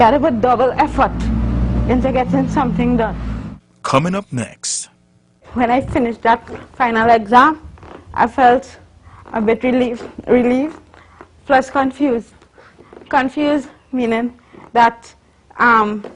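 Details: Adult woman, a university student born with cerebral palsy of the spastic and athetoid type (stiff muscles, uncontrollable movements), with speech in cerebral palsy (dysarthria).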